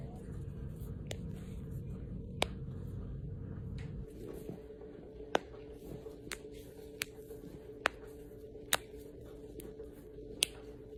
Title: cracking my knuckles- Ehlers Danlos Syndrome